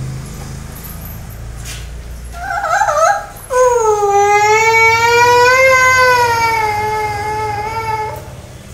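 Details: Brief fussing, then a sustained loud wail from a child about one and a half years old receiving an injection in the hip, with steady background noise and faint music; a crying infant.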